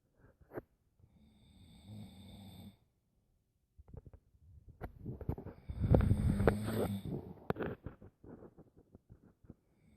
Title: Snore #2